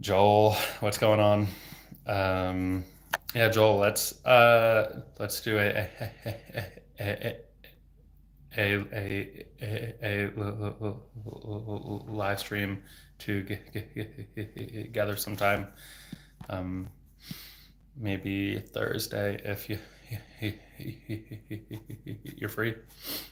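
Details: Adult male speech-language pathologist who has stuttered since age 8, for 26 years, speaking without fluency techniques; stuttering with sound, word and phrase repetitions and blocks.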